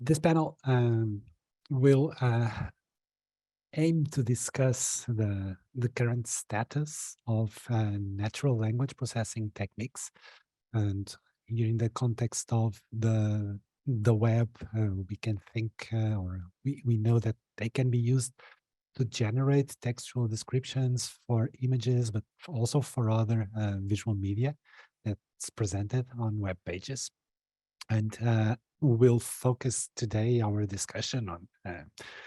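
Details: Adult male speaker; plain speech.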